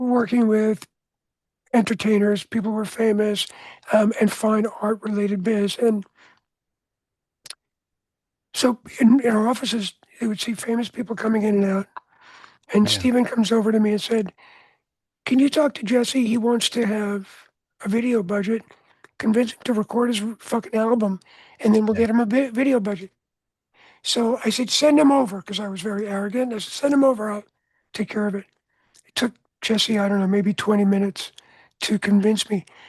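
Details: Adult man whose voice was altered by throat cancer treated with surgery, radiation and two years of experimental chemotherapy, with no recurrence since; voice change after throat cancer treatment.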